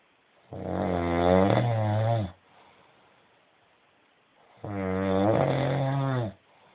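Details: Adult woman asleep on her wedding night: two long, loud, rattling snores on the in-breath about four seconds apart, quiet breathing between them, heavy snoring.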